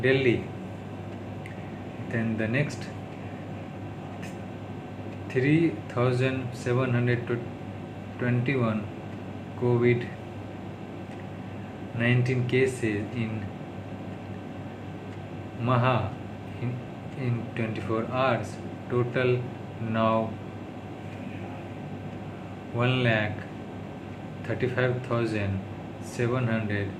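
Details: Adult man with stammering doing daily speech-therapy practice (day 36) reading news in English; his worst stuttering yet, attributed to tiredness, stress and low mood; stuttering.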